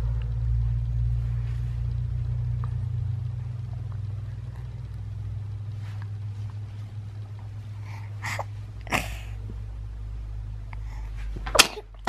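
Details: One or two small sneezes from a baby boy with bronchiolitis, fever down but coughing with lots of mucus, over a steady low engine-like rumble; sneeze.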